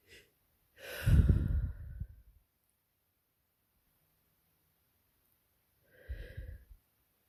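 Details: Spring allergy sneezing fit in real time after window left open for hours: two forceful sneezes a few seconds apart, the first louder with a brief catching inhale; sneezing fit.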